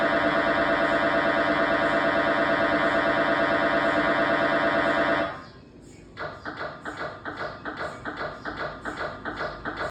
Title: Loud MRI Sounds | Real Recording #shorts